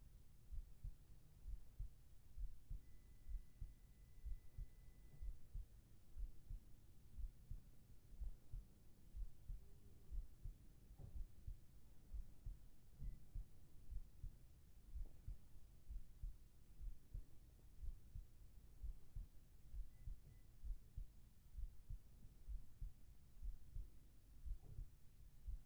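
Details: ASMR sleep-aid heart sound recording: steady, soft low thumps of a normal heartbeat at about 62 beats a minute, with faint background hum.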